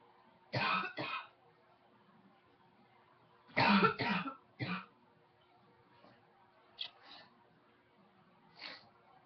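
Two loud double or triple cough bursts, then softer coughs and throat clearing, in a quiet room.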